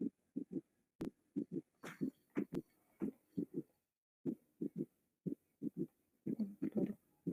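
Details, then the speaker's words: Low thudding heartbeat near 60 per minute with a three-part gallop: an extra soft third heart sound (S3) after S2, following the systolic phase. "después de la fase sistólica de el s1 s2 y ahí podemos encontrar el tercer ruido"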